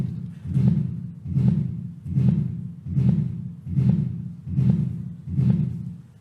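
Seven regular heart cycles at about 75 a minute, each with a blowing sound filling the space between the first and second sounds: a systolic murmur.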